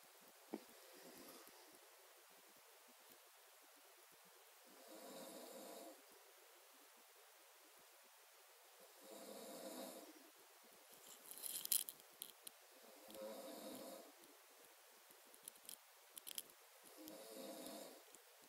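Soft, rasping breath noises recur about every four seconds, near 15 a minute, with a few faint clicks between; quiet snoring.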